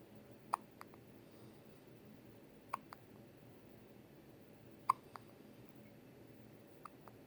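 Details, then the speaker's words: Infant in hospital with four short, sharp hiccups about two seconds apart, each followed by a softer click, over faint room hum; ordinary infant hiccups. "cutest little hiccups, buddy. Finley, did you get the hiccups?"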